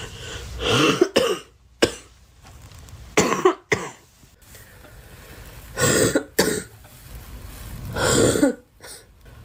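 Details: Repeated harsh coughs in clusters of two from a girl, with quiet pauses between bouts; recurrent cough.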